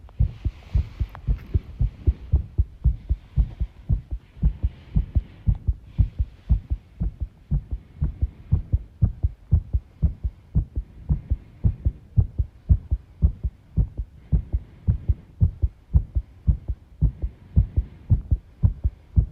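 Low thumping heartbeat near 110 a minute with somewhat uneven spacing, over faint rustling room noise; an irregular rhythm.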